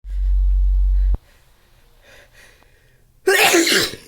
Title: Stuffy sneezes sniffles 'n blows!!